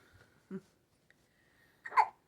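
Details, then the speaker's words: Female with hiccups: soft, brief hiccup sounds spaced apart, then a louder short vocal burst; hiccups. "if you rub her tumy chest area up and down hiccups go away go away hiccups I heard you're supposed to scare people to make them quit hiccupy but I don't want to scare she's too sweet"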